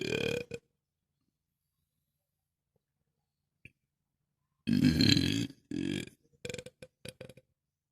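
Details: Burp sound effects: a long, loud burp followed by a string of shorter burps; belching.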